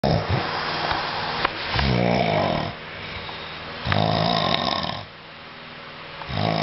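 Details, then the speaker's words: Man in deep sleep who will not wake: loud, rumbling, rattly snores about every two seconds in a quiet room, with softer breathing between them; heavy snoring. "Dude, you're snoring like a fucking maniac right now. And you will not wake up for anything."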